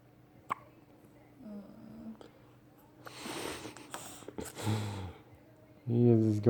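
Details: Infant with hiccups while being fed, sucking his middle finger: a few short, sharp hiccup jerks at uneven intervals, with soft adult voices and small baby sounds in the background.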